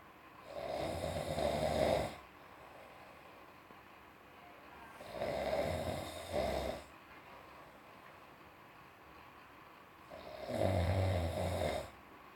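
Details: Cat and father snoring together: slow rasping snores recurring about every five seconds, roughly twelve a minute, with quiet breaths between; snoring.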